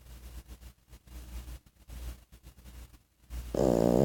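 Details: Snoring from a 14-week-old French Bulldog puppy, a flat-faced breed: rapid, irregular low snorting and grunting breaths, then a louder rough sound at the end.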